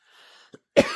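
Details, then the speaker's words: Adult recovering from breathing problems of unknown cause, after a bronchoscopy with lung fluid sampling, gives a milder, gentler cough, less hacking and easier to stop than the week before. "now it's kind of a more gentle cough. Um I'm sure I'll probably end up coughing during the video at some point and you'll hear it, but it's definitely better than it was."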